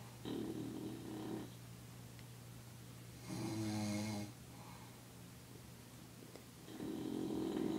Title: Bulldog and GROWN man take turns snoring